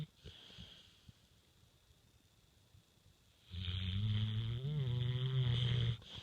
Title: Snoring with tongue out